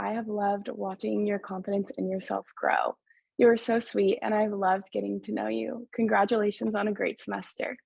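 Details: Adult woman speaking; fluent speech.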